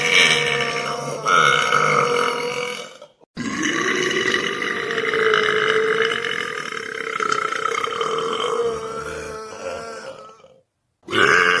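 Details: Male belching voluntarily: long, loud, rumbling belches one after another with brief pauses; burping.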